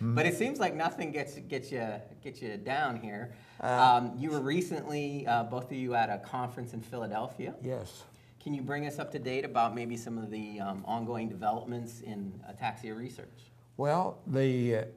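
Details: Adult male speaker; typical speech.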